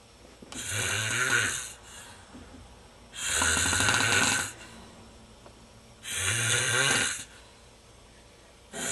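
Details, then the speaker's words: Loud, rough snoring from a sleeping man, recorded live: buzzy, rattling breaths about every three seconds with quiet pauses between; steady snoring. "This is snoring. We're about to record him snoring live in the act."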